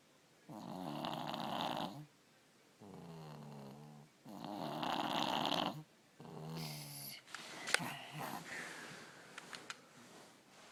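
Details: 3-year-old with strep throat snoring, normally a snorer but worse now, ENT visit considered: loud, harsh rattling snores on each breath in and out, short pauses, then rustling.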